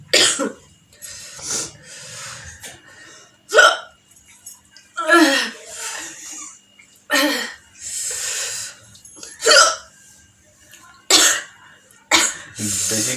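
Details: Person doing a spicy food challenge, loud abrupt hiccups recurring throughout, with breathy gasps and sighs between them; hiccups.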